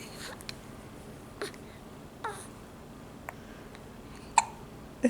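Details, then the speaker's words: Baby boy with hiccups: short, sharp hiccup bursts about once a second, with soft babbling between them in a quiet room; infant hiccups. "are you're so stinking cute you have the hiccups buddy"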